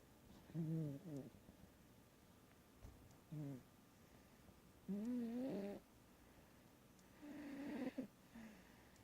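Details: Soft, uneven snoring with a faint whistling tone on some breaths, about 14 a minute, from a sleeping cat: snoring.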